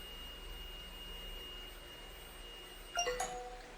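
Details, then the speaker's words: Steady room hum, then a short burst of chiming electronic alarm tones: a new insulin pod deactivated itself and reported insulin delivery stopped, an error alarm. "So why are we beeping? Should not be beeping. No, it deactivated my pod. [Music] It's telling me insulin delivery stopped, which is an error."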